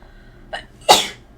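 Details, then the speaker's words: Adult woman on a livestream who says she sneezes randomly and then many times at once: a short in-breath, then one loud, explosive sneeze. "Sometimes I sneeze randomly and then I sneeze a lot at once. I don't know why."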